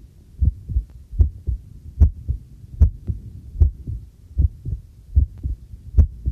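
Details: Own heartbeat, recorded on the first trial of a new homemade field stethoscope microphone during housework: steady low paired thumps at about 75 per minute, with faint tableware clinks behind; a normal heartbeat.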